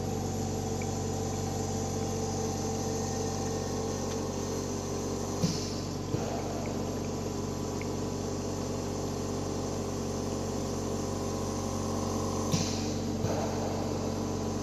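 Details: Yuwell 7F-5 oxygen concentrator running during a test; a 5-litre unit delivering 1–5 L/min at about 87–95.5% oxygen concentration.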